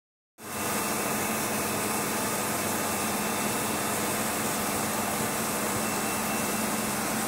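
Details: Steady loud hiss with a faint hum and thin high tone: operating sound of a linear accelerator used for cancer radiotherapy.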